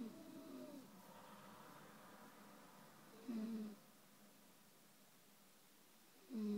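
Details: Adult woman (wife) snoring, snorting like a hog: brief throaty, vibrating breath sounds recurring every few seconds in a quiet room.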